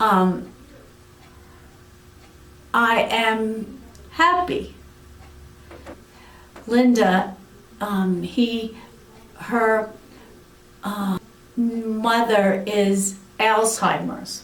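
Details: Aphasia in an adult woman following a severe stroke about eight years earlier.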